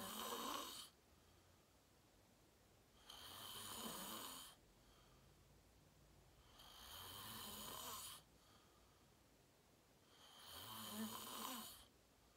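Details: Self-recorded adult sleeping, fell asleep fast around 8:45, self-described deep REM sleep (sleep apnea only hashtagged): soft, hissing, rasping snores on each breath, about 17 a minute, quiet gaps between; snoring.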